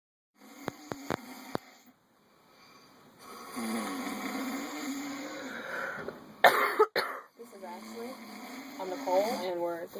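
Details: Human male sleeping on a camper couch, snoring: loud, rough, rattling breathing with a strained, growling quality and brief clicking sounds; likened by listeners to a cat or baby walrus.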